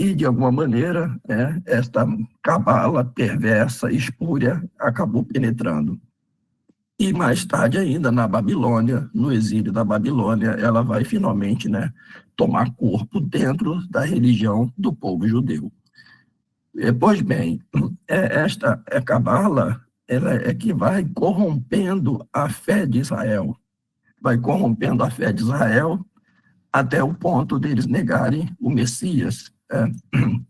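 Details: Adult man with spasmodic dysphonia treated with toxin injections; he says his voice is worse than last time as the toxin wears off after 3 to 4 months, next application due early July; spasmodic dysphonia.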